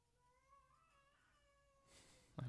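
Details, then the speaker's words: Faint, drawn-out thin wail from a baby crying at a distance, ending with a soft knock. "know if you can hear the baby crying if so I apologize that's what they do I think mommy's on it"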